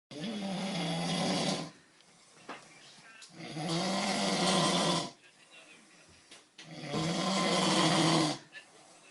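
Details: Heavy snoring in a sleeping person; loud, harsh, rumbling snores on each in-breath, roughly 20 breaths a minute.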